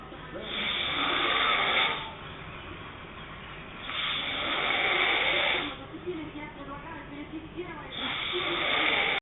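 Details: Adult woman sleeping, heavy snoring: loud, harsh rattling breaths about 16 a minute, each lasting a couple of seconds, with quieter breaths between; snoring.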